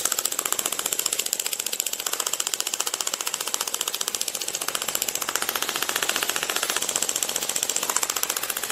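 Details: Radial applicator of a Storz Medical shockwave device treating stage 1–2 knee osteoarthritis in direct contact with the patient, a repeat session: rapid, steady sharp clicks at about 128 pulses a minute.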